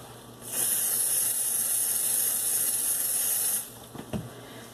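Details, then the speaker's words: A steady three-second aerosol hiss of cold spray applied to the skin before the port flush of a colorectal cancer survivor, five years after cancer, in a quiet room; cold spray aerosol. "Is it done yet? All right, cold spray. There we go."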